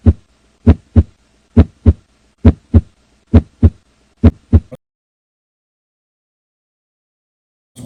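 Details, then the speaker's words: Teaching recording of cardiac auscultation during the cardiovascular physical exam: normal heart sounds. "la ocultación cardiaca es el cuarto y último paso del examen físico cardiovascular"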